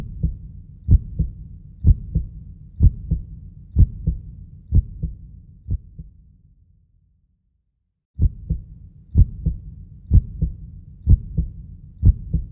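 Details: Steady, regular normal heartbeat with paired low thumps at about 62 beats a minute and a brief silent gap midway, played as a soothing womb-like sound for baby sleep.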